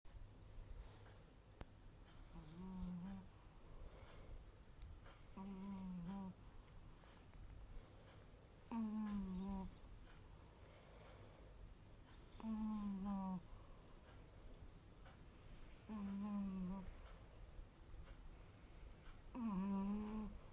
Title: Roxy and her snores. Sleepy Roxy 😴💖